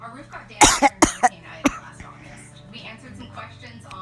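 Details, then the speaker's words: Coughing fit after something went down the throat while talking: a quick run of about five sharp, forceful coughs over a low musical hum, then quiet. "sorry for all the coffee something just went down my throat as I was talking"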